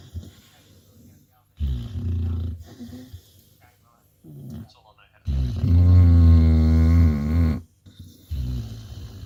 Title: Bulldogs snoring